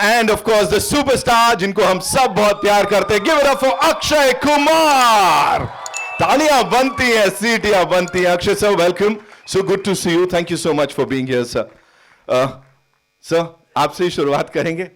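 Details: Adult speaker, event host; normal voice.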